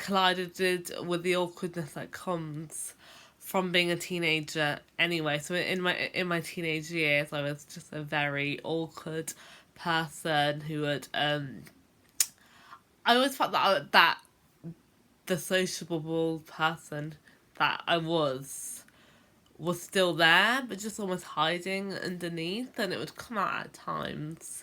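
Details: Adult woman who has stammered since about age 10; stuttering (stammering).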